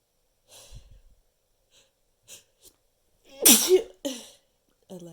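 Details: Eleventh in a long counted run of repeated sneezes: a sharp, explosive sneeze after a brief in-breath, with a softer follow-up burst and quiet breathing.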